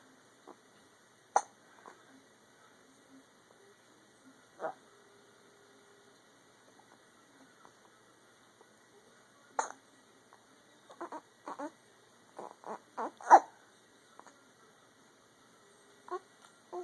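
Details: Hiccups: brief, sharp, click-like hiccup sounds recurring irregularly, about fifteen in under twenty seconds, some in quick clusters.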